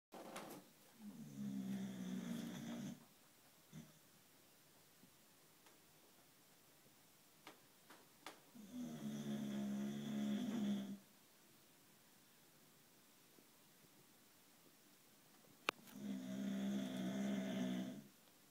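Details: Sleeping white Boxer dog snoring: loud, rattling, long inward snores about seven seconds apart.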